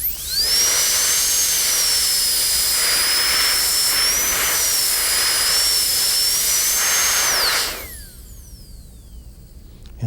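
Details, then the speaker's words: Dental high-speed handpiece with diamond bur cutting a maxillary canine for a porcelain-fused-to-metal crown preparation, cervical cut about 1.25 mm deep then labial surface cut; steady high-pitched whine with water spray hiss for about seven seconds, then spinning down. "this will give us then a cervical cut roughly a millimeter and a qu in depth the next cut will be made along the labial surface"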